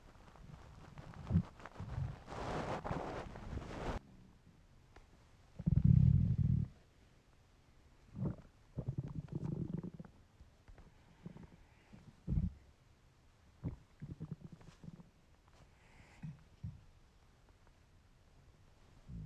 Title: Weird hungry stomach noises